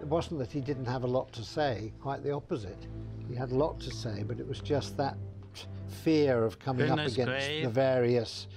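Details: Adult man speaking; typical speech.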